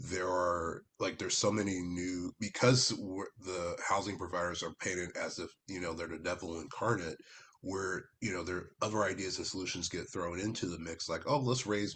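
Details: Adult man speaking; normal speech.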